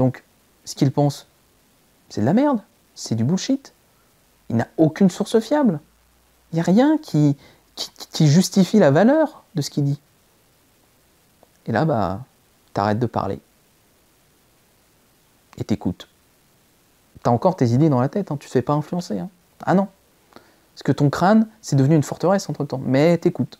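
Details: Stuttering in a male speaker since early childhood. It was treated but recently returned strongly, with blocks and repetitions. This clip has repeated attempts at the same phrase.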